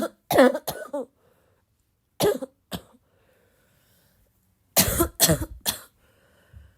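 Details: Girl, still sick, coughing a lot: about nine short, harsh, barking coughs in three clusters with quiet pauses between bouts; coughing fit.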